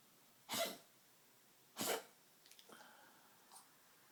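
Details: 13+-year-old Maltese dog with degenerative valve disease (murmur, enlarged heart, leaky valve): two sharp harsh cough bursts then faint snort and wheezy breath; tracheal cough, per cardiologist not heart-related, unlike congestive heart failure coughing.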